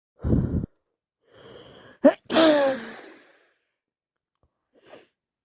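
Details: Sneezing with sinusitis, streaming eyes, constantly runny nose and non-stop sneezing: a sharp inhaled gasp, then one forceful explosive sneeze, with short breaths before and a faint sniff after.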